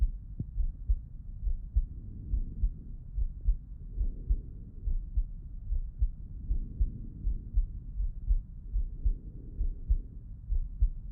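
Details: Heart auscultation with the person lying on the left side; normal heart sounds.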